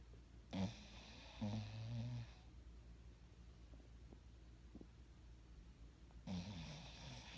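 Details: Sunday afternoon nap: soft, low snorting snores with quiet pauses between them over light room hiss; snoring during sleep.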